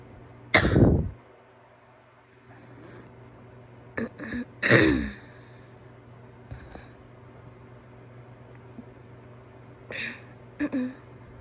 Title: coughs ( ◠‿◠ ) (f)